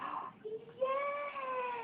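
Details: Short, high-pitched wailing cry after brief fussing from a five-month-old baby girl during a chiropractic adjustment.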